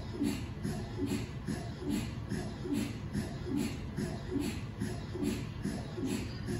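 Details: MRI scanner noise recorded inside the scan room of a GE Healthcare 1.5T or 3T system: rhythmic knocking and buzzing pulses repeating about 72 times a minute, typical gradient noise during a scan.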